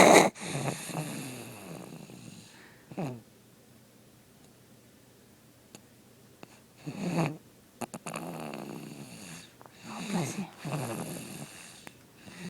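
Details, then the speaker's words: Baby fast asleep: repeated rough, rattling breathing noises with quiet pauses between them; snoring during sleep. "This is poppy snoring I hope we can hear them"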